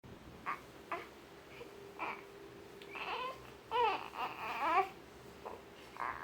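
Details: Short grunts and soft squeaks building into brief whimpering cries from a 3-day-old newborn girl in a quiet room; normal newborn vocalizations.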